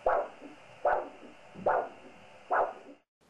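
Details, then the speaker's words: Handheld Doppler over the dorsalis pedis artery at the ankle, cuff placed above the ankle, during ankle-brachial index measurement for peripheral arterial disease: rhythmic whooshing pulses about 74/min, strong forward swoosh plus softer second sound, a biphasic arterial Doppler signal. "if no pulse is felt you should obtain an arterial Doppler signal which can be monophasic"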